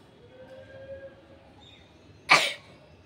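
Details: Single sudden loud, hissing sneeze from an adult woman after a faint hum, recorded outdoors on a rooftop.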